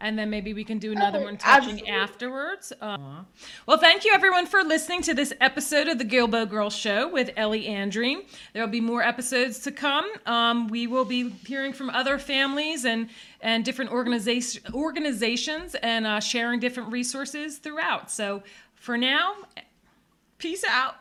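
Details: Adult woman speaking; normal speech.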